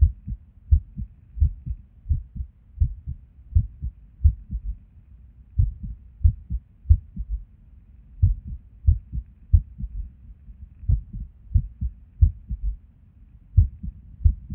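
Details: Resting heartbeat recorded at Erb's point while sitting at a desk, heart often skippy with or without reason: low thumps around 90 a minute, unevenly spaced with occasional pauses; an irregular rhythm with skipped beats.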